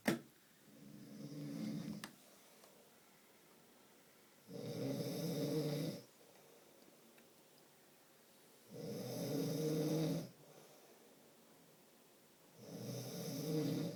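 Loud rattling snores on each breath in, roughly 15 a minute, with quiet pauses between; ordinary snoring in a small room.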